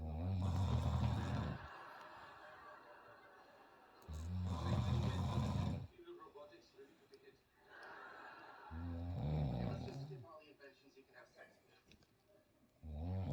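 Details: Adult woman's snoring, said to sound like a diesel engine: loud, deep, rattling snores in long bursts about every four seconds, with quiet breathing between.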